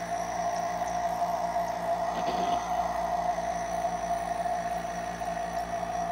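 A steady mechanical hum and drone with a fast regular rattle throughout, the sound of a nebulizer compressor running; a brief knock partway through.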